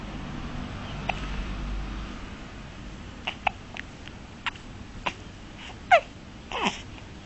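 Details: Several brief, sharp hiccups at irregular intervals, with soft fussing and room noise; hiccups.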